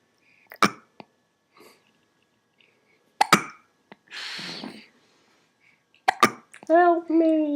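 Sharp, sudden clicks and gulps recur among breaths and a brief voiced sound, fitting hiccups.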